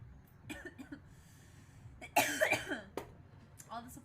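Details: A short burst of a few coughs from a female streamer amid faint room noise and soft speech.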